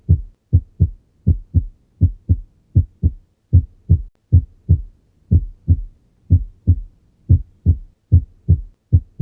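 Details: Regular paired low thumps, lub-dub, about 78 beats a minute, heard through a stethoscope; heart sounds on cardiac auscultation.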